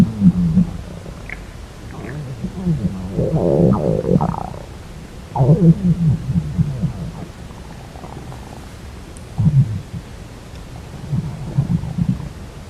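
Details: Girl's stomach growling: low gurgling rumbles and squeaky bubbling bursts come and go over several seconds; ordinary normal bowel sounds.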